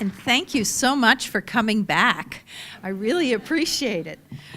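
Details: Adult woman speaking; typical speech.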